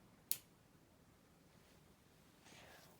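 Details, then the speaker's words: Tandem t:slim X2 insulin pump tubing connected to a new AutoSoft 30 infusion site on a 10-year-old boy with type 1 diabetes: a single sharp click in a quiet room as the connector snaps into place. "you get the wire for your pump and you attach it right in here and it'll click right in"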